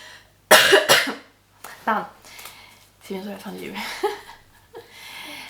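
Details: Adult woman recording a podcast, speaker mentions coughing fits: two sharp, harsh coughs in quick succession, then quiet speech in a small room.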